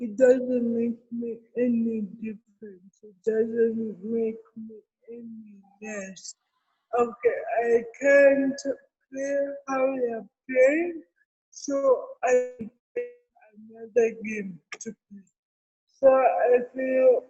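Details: Adult woman with cerebral palsy present since birth, speaking in an interview; dysarthria associated with cerebral palsy.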